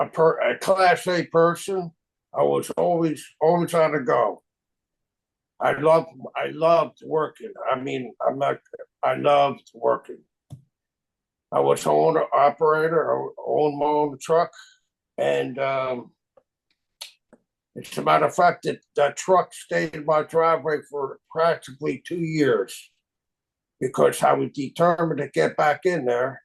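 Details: Aphasia in a man 25 years after a stroke at age 38, with right-sided paralysis; real speech.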